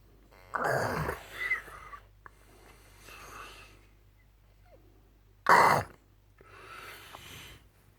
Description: Snoring his ass off and I can't sleep.